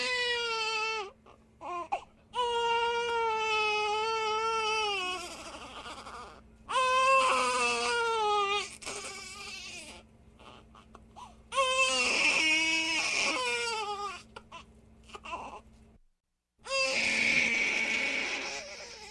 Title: Som de bebe chorando - Sound of crying baby 4:11 minutes